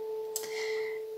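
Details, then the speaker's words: A 30-year-old woman musician with tinnitus plays her first tinnitus note on an instrument: a steady, pure sustained tone imitating her constant tinnitus pitch. "quand les acouphènes me dérangent vraiment parfois j'aime bien aller me mettre derrière un instrument et jouer avec ses acouphènes pour fête me les approprier ça c'est la première note mon premier acouphène c'est là que je vais commencer de la mélodie"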